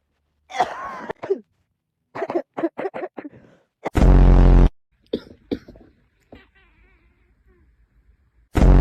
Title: When the cat reacts to your coughing#fyp #cats #cat #catvideos #catlovers